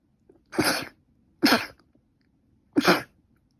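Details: Person with a cold and allergic rhinitis, runny and stuffy nose and fever for five days: three separate sneezes about a second apart, each a sharp explosive burst.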